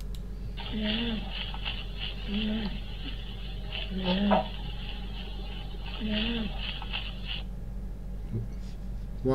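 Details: Repeated harsh, high-pitched musical breath noises over room hum: a stridor demonstration during a lecture on lung auscultation, consistent with upper airway narrowing.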